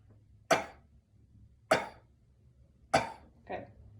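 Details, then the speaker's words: Three sharp, strong voluntary coughs, then a softer fourth, in a quiet room, produced by an adult man as the final stage of active cycle of breathing technique teaching: voluntary cough. "So, and then after that, we're going to try and produce a cough."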